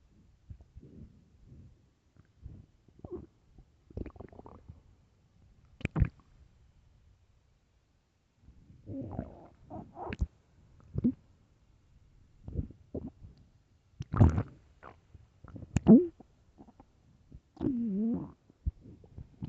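Irregular gurgling and rumbling bursts with some squeaky, drawn-out tones: loud stomach growling, ordinary bowel sounds.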